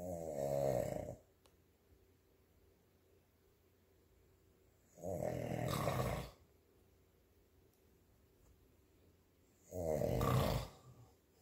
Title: snoring